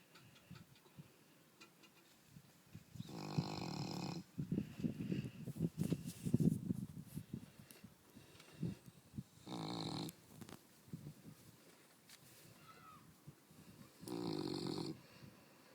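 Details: Newfoundland dog, almost 14 months old, exhausted after running on the beach, with deep rumbling snores and low fluttering breaths between three louder bursts; owner says snoring is usual for him.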